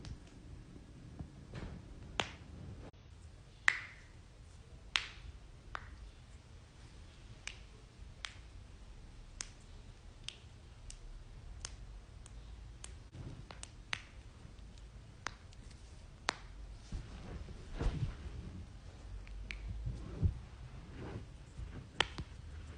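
Sharp, isolated pops and cracks at irregular intervals, typical of joints cracking, a usually harmless sound.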